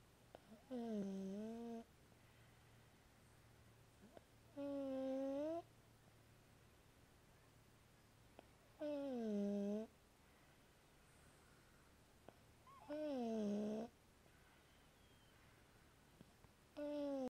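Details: Snoring: regular, tonal, droning snores about 15 a minute, each rising then falling in pitch, in a quiet room.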